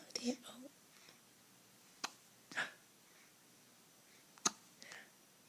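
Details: Infant hiccups at 2 a.m.: a few short, sharp hiccups between soft murmured sounds in a quiet room.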